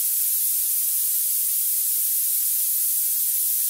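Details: Generated narrow-band pink noise around 13 kHz, a steady high-pitched hiss used to find tinnitus frequency by pitch matching.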